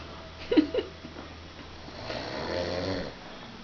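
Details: A couple of short snorting bursts, then a longer rough, rattling breath sound in a quiet room; snoring.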